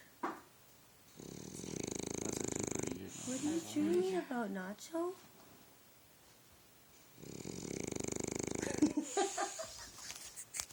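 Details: Bulldog named Nacho sleeping: two long, rough, rattling snores about six seconds apart, with a person speaking briefly between them; snoring.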